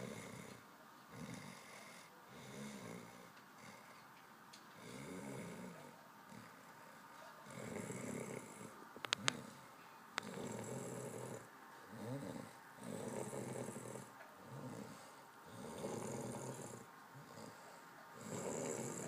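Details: Repeated rumbling snores with each breath, roughly 11 breath cycles a minute, uneven in strength, with some background noise; snoring.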